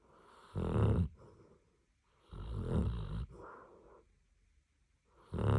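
Loud, low rattling snores on each breath, with a softer exhale between, from a sleeping dog: ordinary snoring.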